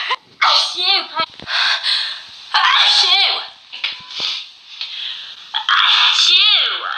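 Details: Several loud, high-pitched sneezes, each preceded by a sharp in-breath, with voices and laughter between; a sneeze competition in which opening lipstick reportedly set off sneezing.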